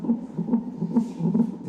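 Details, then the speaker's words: Fast, regular whooshing pulses, roughly 140 a minute, from a fetal heart Doppler monitor during labour with a first baby, before an epidural: fetal heartbeat monitoring. "Et la musique, c'est le cœur du bébé que l'on écoute avec vigilance pour s'assurer que tout se passe bien."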